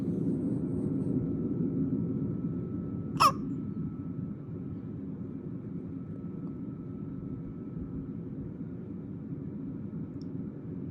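A single sharp, abrupt hiccup breaks through steady low engine rumble, typical of a hiccup.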